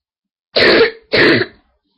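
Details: Person with a very sore throat and stuffed nose, recording on a webcam: two harsh, deep barking coughs in quick succession, typical of an irritated upper airway.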